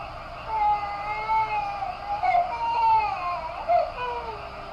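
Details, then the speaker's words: Girl about five and a half months old, first day of sleep training alone in her own crib, around 11:56: intermittent fussy whimpering and short rising-and-falling cries with quiet between. "see she already take a break so her time actually has to restart yeah she just did the little whimper she probably gonna start her again with her"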